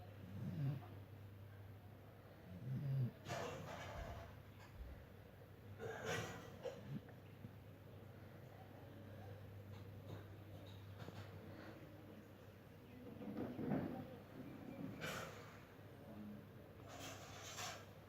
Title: My Snoring, ,Dog,,